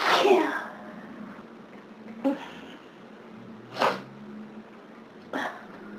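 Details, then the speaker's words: Four sudden sneezes in quick succession, the first loudest, in a sneezing fit on a summer day of severe hay fever; the sneezer says they can't stop: repeated sneezing from hay fever. "Maybe it'll settle down now. Maybe not. I still need to sneeze."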